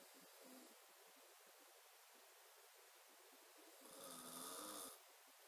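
Quiet steady breathing, then one louder rough, rattling breath lasting about a second: a snore.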